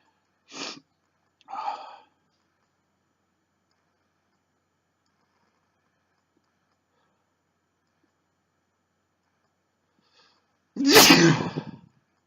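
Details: Male sneezing: two short sniffs, a long quiet pause, then a single forceful sneeze.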